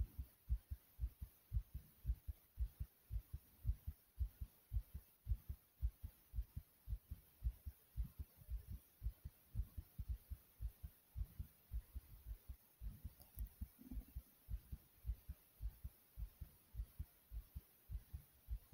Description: In this video you can hear my heart beating and some breathing. it was also very Thumpy as well.